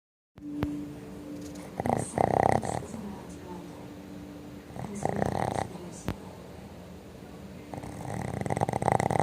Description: Babysitting my friend's Boston Terriers and I can't hear my TV when they are sleeping!